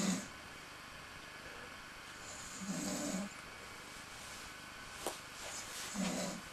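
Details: Dog snoring while sleeping after heavy drinking: soft rumbling snores with each breath, two or three in a few seconds; ordinary snoring.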